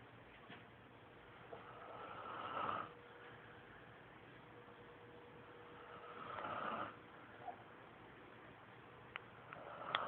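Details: Man, the sister's boyfriend, asleep after a rough day, with two soft snores about four seconds apart, roughly 15 breaths a minute, over steady room hiss and background teasing; ordinary snoring.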